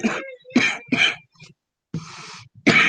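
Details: Adult woman with a fever and a slight sore throat coughs about four times, with a noisy breath between the later coughs; a cough from illness.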